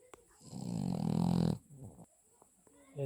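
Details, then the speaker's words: Sleeping small dog, apparently a Cavalier King Charles Spaniel, snoring: one long, loud, fluttering snore followed by a weaker rasping breath. Heavy snoring. "Ну теперь скажите мне вы смогли бы заснуть под такую какофония нежнейших звуков от чрезвычайно предано"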